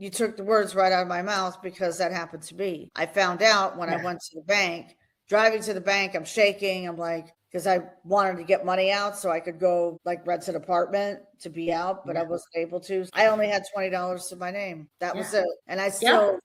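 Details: Adult woman speaking; normal speech.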